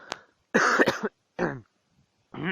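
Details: Adult coughing during a recording session, in a blooper clip: a few harsh, abrupt coughs in a quiet small room.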